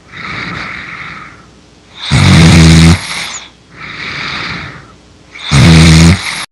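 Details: Simulated snoring, a video game character's (Mabinogi) sleep sound effect: loud, rumbling snores alternating with hissing breaths out, about two cycles in six seconds, getting louder.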